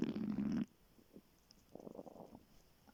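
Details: Hunger stomach growling (borborygmi) in the morning after waking, before breakfast: a loud low gurgling rumble, then quiet, then a softer bubbling gurgle.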